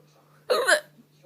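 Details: Person with hiccups that have lasted for hours, trying to hiccup loudly: one abrupt, voiced catch of breath in a quiet room with a faint steady hum; a single hiccup.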